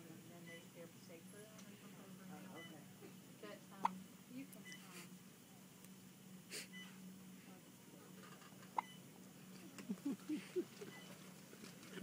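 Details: Fetal hiccups felt in a pregnant mother's belly: several sharp, brief catches at irregular intervals, with quiet talking in the background.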